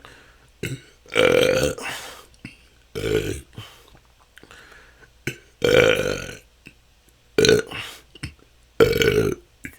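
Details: Frequent loud voiced belches, about five in ten seconds with short gaps, recorded continuously; the person says this can go on for hours and has been a struggle for the last couple of years. Excessive belching (eructation).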